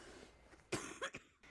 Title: Green Room Ep 5 Attack of The Coughs